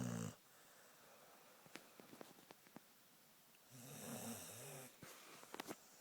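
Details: Sleeping pit bull: two rattling, low snoring breaths with a few soft clicks and quiet between; ordinary dog snoring.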